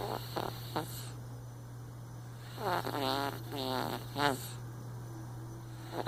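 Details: Rattling, snorting breath noises over a steady mains hum, with quieter breaths between; snoring.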